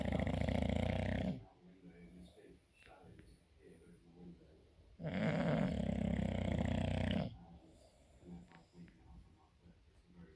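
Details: Bulldog snoring: two long, loud, rough rattling breaths a few seconds apart with quiet gaps between them; heavy snoring.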